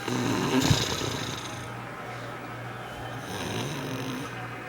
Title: Snoring Grandma Part 1